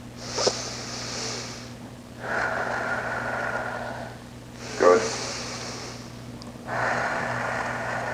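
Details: Stethoscope auscultation of a female patient leaning forward, back of chest, top right, during a virtual hospitalist exam, big breaths: two slow, deep breaths of soft, even airflow without wheeze or crackles: normal breath sounds.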